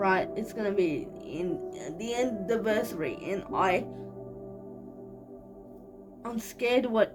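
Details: 25-year-old woman with cerebral palsy, real, speaking casually to camera: dysarthric speech in cerebral palsy.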